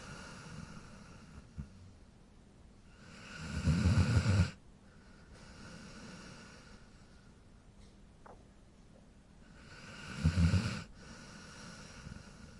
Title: Cute Dog Snore Sound